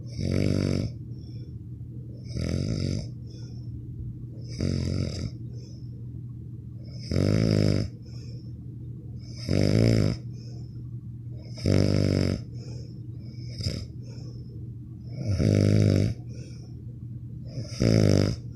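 Loud, rattling snores on each breath in, about eight in 18 seconds, with quieter breathing between: steady snoring.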